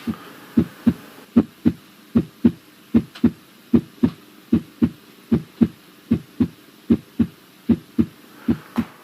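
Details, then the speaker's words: Regular heartbeat near 76 a minute with a soft extra low sound after the second sound in a young healthy man at a routine screening: S3 gallop from rapid ventricular filling, a physiologic variant. "that was what that was that was an s3 gallop in s3 gallop can be a normal anatomic variant in a young healthy person it's the sign of rapid ventricular filling it's an extra heart sound"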